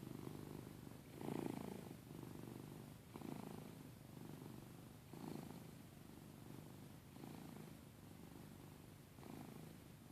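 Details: Cat named Giada snoring while asleep: soft rumbling breaths about every two seconds, roughly 30 a minute, over steady room hiss.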